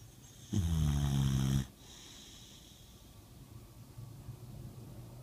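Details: Sleeping: one loud, low, rattling breath lasting about a second, then quiet breathing; a single snore.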